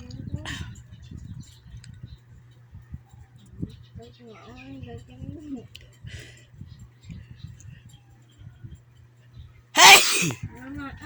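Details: Big tickle sneeze: soft voices and breathy sounds, then one loud, sharp, explosive burst near the end, a single sneeze.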